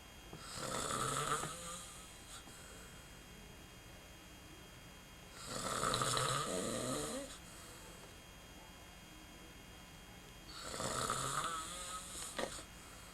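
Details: A person snoring, recorded in 1995: three soft, rasping snores about five seconds apart, roughly twelve breaths a minute, over a faint steady hum.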